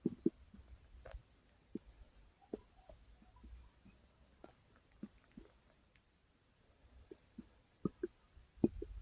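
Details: Uploader's own stomach growling, recorded while it was still active: a quiet room with scattered soft gurgles and brief squeaky bubbling pops from the belly; ordinary borborygmi.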